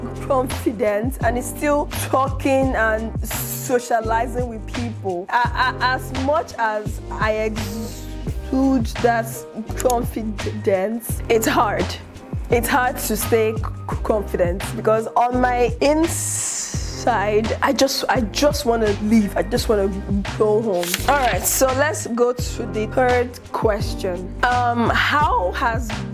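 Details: Adult woman who stutters, with word and phrase repetitions; stuttering.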